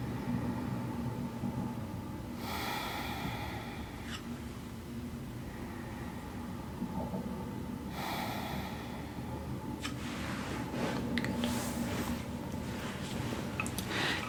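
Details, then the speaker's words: Real person in an ASMR head-to-toe exam, stethoscope on the chest near the second rib area while breathing normally; normal breath sounds, with clear S1 and S2 heart sounds and no murmurs. "very strong heart. Let's listen to see murmurss or valve issues. Good. [Applause] Great. Clear S1 and S2 sounds. No extra sounds, no murmurss, no issues with your valves."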